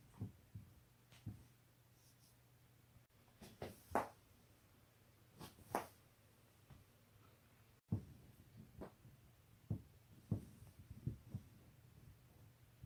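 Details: Neck and back cracking: scattered soft pops and cracks in a quiet room as the neck and back are twisted, joint cavitation.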